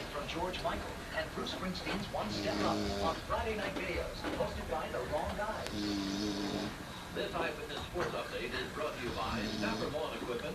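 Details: Two adult women snoring while napping: rough snoring breaths under a television playing in the background.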